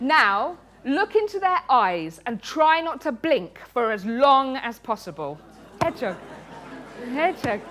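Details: Woman with Tourette syndrome, a neurological condition causing uncontrollable movements and noises, with very frequent involuntary word tics (one word up to 16,000 times a day) and coprolalia (obscene tics); Tourette syndrome vocal tics.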